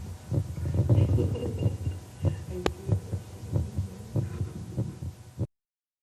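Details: Heartbeat: low, repeated heart thumps at roughly 90 to 95 beats a minute with a faint background hum.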